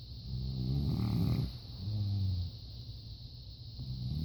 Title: Wife snoring